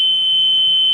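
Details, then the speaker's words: Steady high-pitched low heart rate alarm on a Zoll M Series biphasic defibrillator during semiannual inspection: with the test heartbeat at 72, the low limit was raised from 70 to 75, triggering the alarm and a recording. "so we're set on 70 right now so we're going to take it up to at least 75 make it 75 and return and we should get a"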